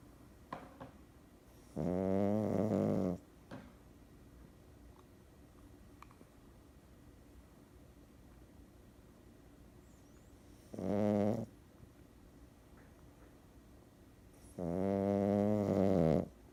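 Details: Boston Terrier puppy snoring and grinding his teeth: three long, buzzing, vibrating breath sounds with quiet gaps between them in a quiet room.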